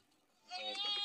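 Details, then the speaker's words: Baby crying in the back of a car whose steering wheel had locked: a brief, high-pitched infant cry after a moment of quiet, with faint vehicle noise underneath. "On entend le bébé pleurer derrière, ce qui me peine vraiment."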